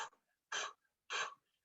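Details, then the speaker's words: Simulated: an instructor imitates breathing at the peak (acme) of a labor contraction, with three short, forceful breathy puffs like blowing out a candle. "As that contraction peaks, like blowing out a candle. As the contraction starts to go away, it's decrement, and"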